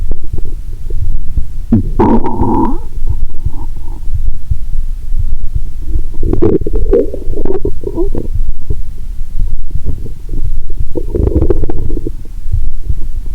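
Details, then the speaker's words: Adult lying down, relaxed, after a Mentos and cola challenge, stethoscope on the belly near the navel: loud irregular gurgles with a recurring loud moan; active bowel sounds. "The sound of the stethoscope has almost no cut editing. About once every 2.30 seconds, you will hear a loud moan👂. My stomach is telling me, "Give me good food, not liquids!"🤔😂."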